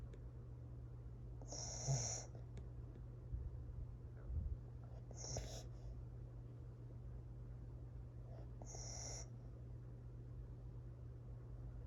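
Three soft rasping snores about every three and a half seconds over a steady room hum; a small dog snoring.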